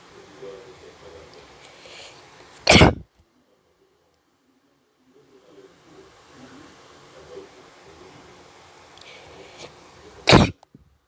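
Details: Deliberately induced sneezes: two sudden, forceful sneezes about eight seconds apart, with quiet room noise between.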